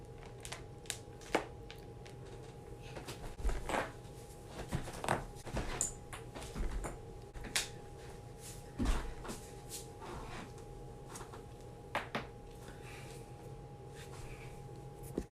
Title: cracking joints